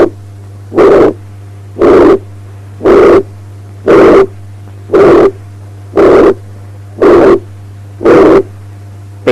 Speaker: Ventricular septal defect at the left third intercostal space, a high-pitched pansystolic murmur.